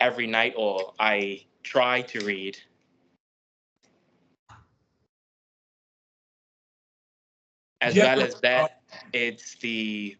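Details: 25-year-old man who has stuttered since age 7, mostly blocks, worse with authorities and groups of strangers; uncomfortable speech daily, noticeable stutters weekly; working on linking; stuttering.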